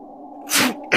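A single sharp, hissing sneeze burst over quiet background tone; a sneeze from an animated show.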